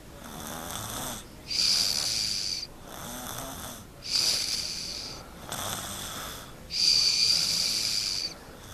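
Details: Loud, rhythmic snoring from a sleeping child, with harsh, hissing breath sounds at about 21 breaths a minute; habitual loud snoring.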